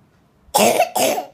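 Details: Two quick harsh back-to-back coughs from a child with a runny nose who is being taken to the doctor; cough.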